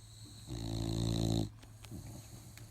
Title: My bull dog snoring